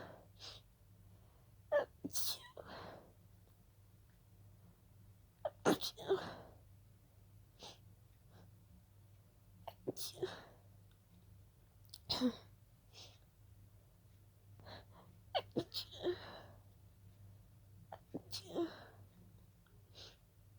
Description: Started as a simple Pollen allergy, became a sneezing fit 😅